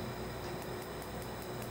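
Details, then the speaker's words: Q-switched Nd:YAG 1064 nm laser removing a yellow-ink tattoo on a patient: sharp, evenly spaced snaps, about five per second, over a steady machine hum, as the practitioner listens for the snap and watches for whitening; Q-switched laser pulses. "I'm kind of listening for that snap. Oh this is much better. And looking for the whitening."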